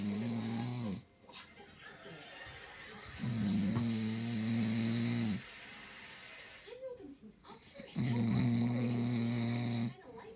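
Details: Man recorded to prove he snores loudly: loud, rough, low snoring on each breath in, about 13 breaths a minute, with quiet gaps between and faint background sound.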